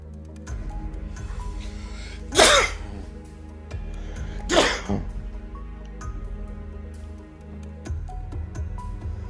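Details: Two loud, explosive sneezes a couple of seconds apart over background music.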